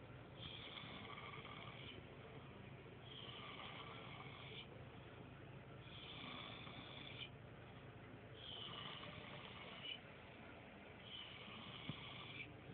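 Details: Loud snoring while passed out with eyes appearing open: five rhythmic, raspy, whistling snores at about 23 a minute over steady room hiss.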